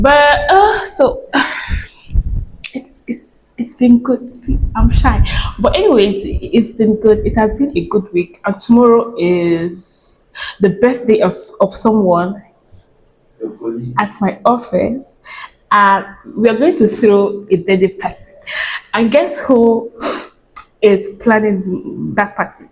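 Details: Adult woman who says she stammers very heavily, speaking casually; an audible part-word repetition; stuttering.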